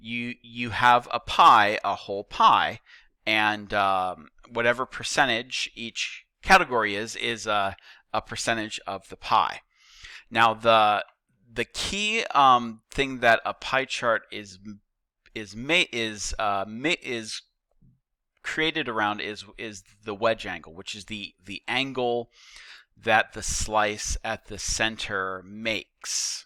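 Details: Male teacher who says he stutters and that repetitions heard are his, not the video buffering; real, not acted; stuttering.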